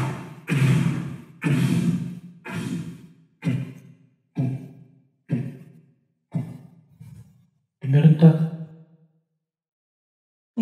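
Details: Vocal (beatbox) imitation of Korotkoff sounds: about nine breathy, rhythmic thumps roughly once a second, fading and softening: Korotkoff phase 4 muffling.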